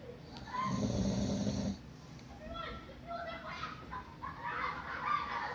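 A low rattling snore on an in-breath, followed by softer snuffling breath sounds; snoring during sleep.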